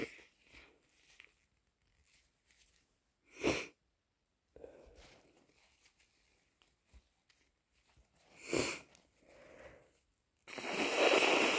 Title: Massive sneeze plus a blow from my cold